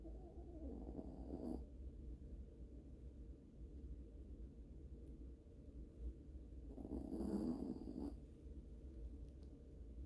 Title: Is that a harley motorcycle? No wait, it's just my dog snoring... #yorkie #snoringdog #sleepingdog